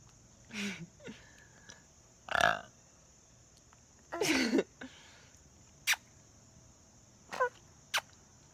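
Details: Infant burping: several short, low throaty burps in quiet room noise.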